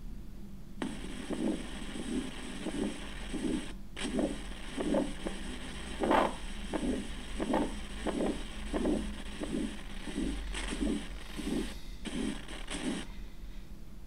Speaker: Okay, let's try aortic stenosis murmur.